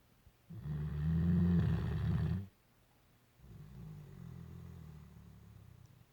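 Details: Great Dane sleeping and dreaming: a deep, rumbling snore of about two seconds, then a pause and a softer, longer low snore.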